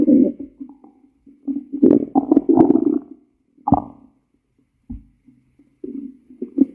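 Low gurgling, rumbling bursts with pauses between, typical stomach growling from gas and fluid moving through the bowel.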